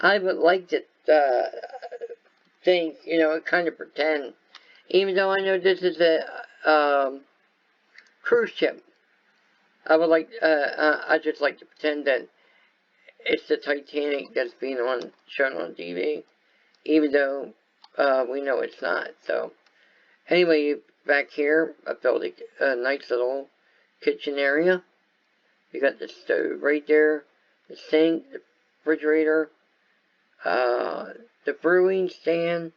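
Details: Speech and voice impairment in an adult man caused by viral meningitis with a fever of about 105 at about six weeks old, which also affected his walking, eyesight and hearing.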